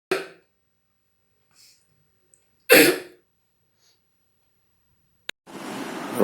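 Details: Adult gives two separate forceful cough bursts, followed by a click and steady background hiss.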